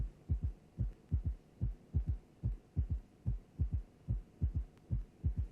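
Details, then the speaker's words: Simulated heartbeat, regular at about 73 a minute, from a cardiac auscultation teaching programme: a soft, low extra sound follows the second sound, with a faint steady hum behind. Third heart sound (S3). "let us now listen to an example of a third heart sound"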